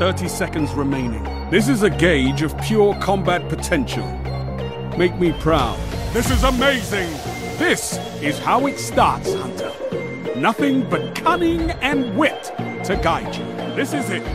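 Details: Adult voice actor in game audio; normal speech.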